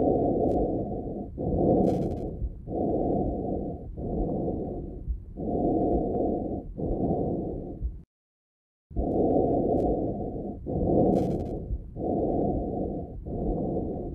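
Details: Normal tracheal breath sound over the neck, above the large airways: loud, harsh, high-pitched blowing through both inhalation and exhalation, separated by short pauses.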